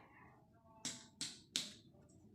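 Three sharp, hollow-sounding finger taps with brief ringing decay, then a voice begins: a clear tympanic percussion note over the abdomen.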